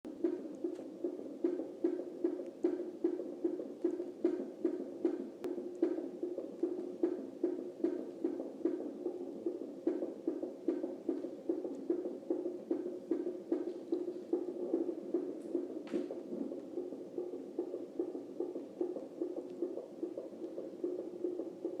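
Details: Fast, regular whooshing fetal heartbeat at about 150 beats a minute, picked up on a contraction monitor at 30 weeks of pregnancy: fetal heartbeat.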